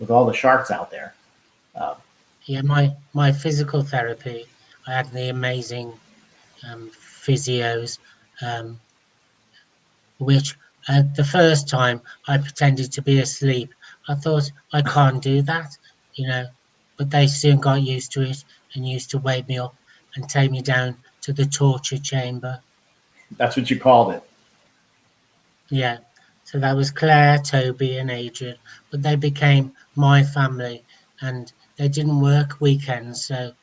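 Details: Adult man speaking; no speech disorder.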